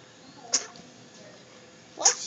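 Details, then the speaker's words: An infant sneezing twice: two brief, high-pitched, hissy bursts about a second and a half apart in a quiet room. "Bless you. You like it when she sneezes? It's cute."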